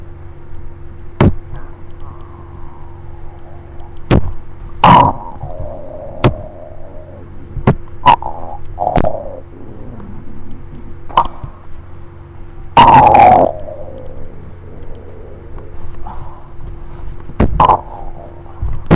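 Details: Low gurgling rumbles and squeaky bubbling sounds over a steady hum; ordinary stomach growling (borborygmi).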